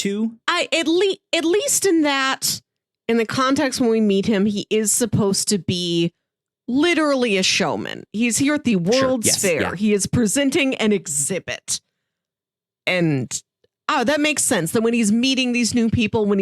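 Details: Adult woman speaking; typical speech.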